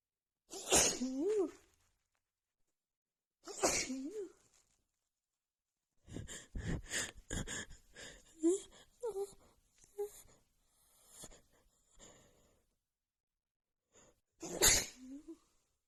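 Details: Female with a head cold, congested nose, after sniffing a tiny bit of black pepper: rapid run of sneezes with gasping breaths between, then more loud sneezes. Nonstop sneezing fit.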